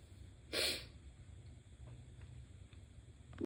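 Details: One forceful, hissing, slightly squeaky sneeze burst, then quiet stuffy breathing against room noise, from a person with a very stuffy head cold.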